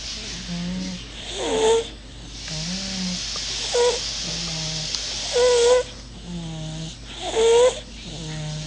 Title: Funny Baby snoring